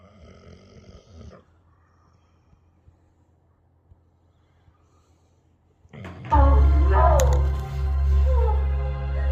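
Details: American Staffordshire terrier lying close to his owner, snoring: a faint snore, then quiet, then a loud, deep, rattling snore.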